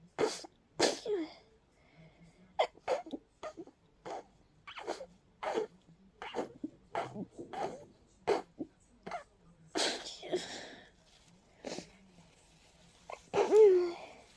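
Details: A rapid run of about sixteen short, sharp sneezes, closing with a few fuller ones; a sneezing fit in a person with a cold and a stuffy, sensitive nose.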